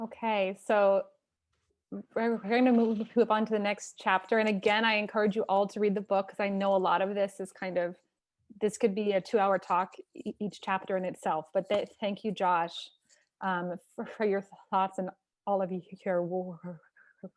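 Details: Stuttering in an adult who stutters, opening a live online stuttering community event, with sound repetitions audible.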